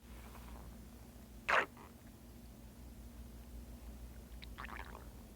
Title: Butters stomach growling